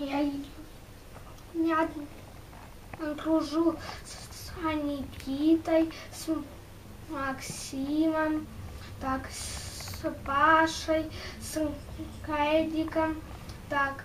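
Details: Russian-speaking schoolboy, one year after completing a stuttering treatment course; residual stuttering after treatment.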